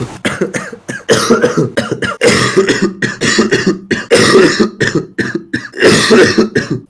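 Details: Real persistent coughing fit in a man who coughed all evening and says coughing feels so bad his eyes are popping out: harsh coughs in runs of bursts with brief pauses and some throat clearing.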